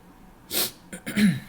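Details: Adult who is sick with a sore throat: a single sharp sneeze, a burst of air with a brief voiced tail, in a quiet room.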